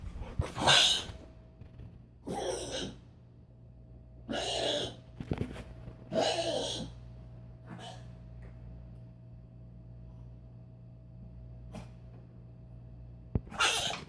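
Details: Several harsh, breathy coughing bursts from a dog, spaced seconds apart, one hour after allergy medicine; heart medicine not yet taken; owner says coughing about 75% better than before the medicine and breathing better.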